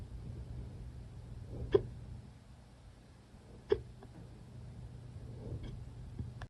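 Sharp, abrupt hiccup sounds about every two seconds, roughly 30 a minute and not fully regular, over low background hum: hiccups.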